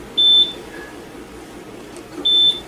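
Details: Two high-pitched ECG monitor beeps about two seconds apart over quiet room noise, from a nervous dog in right lateral recumbency with limb leads placed just below the elbow; heart rate counted 38 per 15 seconds in a veterinary nursing demonstration.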